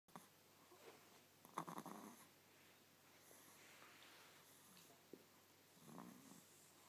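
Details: Light snoring in a quiet room: soft, rough breathing noises with two louder rattling snores about four seconds apart.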